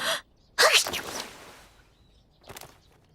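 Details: A woman sneezes four times in a row: a clipped burst, then one loud full sneeze, then softer follow-up sneezes.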